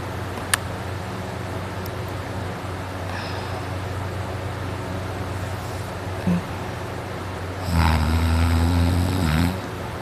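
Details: Man snoring during sleep, throat very dry and sore before sleeping: steady low room hum, then one long, loud, deep rumbling snore on an in-breath.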